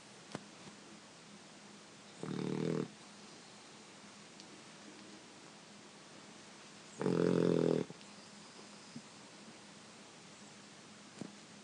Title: Snoring Puppy